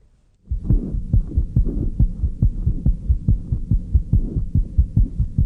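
Fast, regular low heartbeat thumps through a stethoscope, normal heart sounds for a young child.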